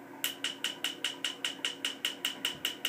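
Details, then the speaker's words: Rapid, regular, sharp snapping clicks, about five a second, from a laser firing pulses during tattoo removal on the leg; laser tattoo removal device firing. "I mean you're you're basically just burning the skin and well it isn't it isn't it'll the all the pigment will eventually sort of break up under your skin just little by little"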